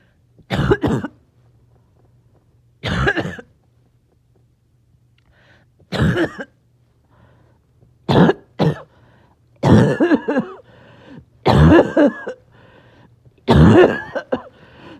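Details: Person a little short of breath, back-to-back coughing fits clipped together: repeated harsh coughing bursts in close succession, several clustered fits with brief pauses, paroxysmal coughing.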